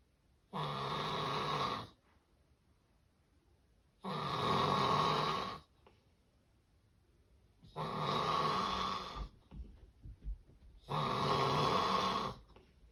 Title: The sound of severe sleep apnea snoring